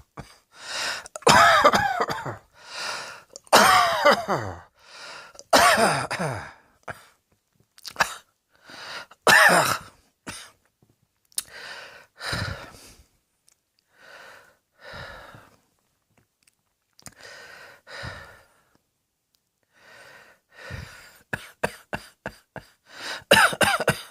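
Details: Adult coughing repeatedly in short bursts with throat clearing, in a small quiet room.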